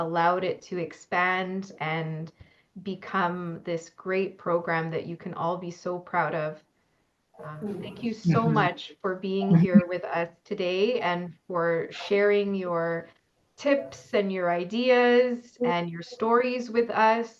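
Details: Adult woman speaking; ordinary speech.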